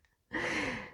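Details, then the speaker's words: Sleeping dog snoring in the background: after a brief quiet moment, one drawn-out, hissing, slightly whistling snore. "voilà donc on entend mon chien qui dort derrière et qui ronfle"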